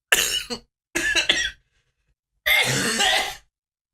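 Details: Sick adult coughing: harsh throat clearing and three bursts of coughing, the last a longer raspy cough.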